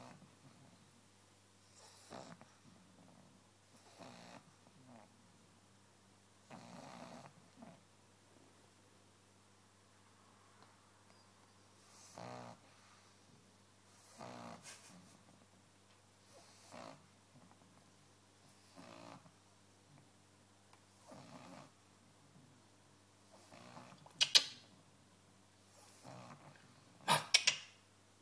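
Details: A sleeping dog snores and snorts in regular rattling bursts, roughly twenty breaths a minute; snoring.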